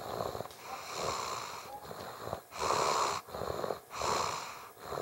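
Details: Child passed out asleep in a highchair after a long day (June 2012): repeated noisy, rattling breaths roughly every second with a slightly whistling edge and room noise; snoring.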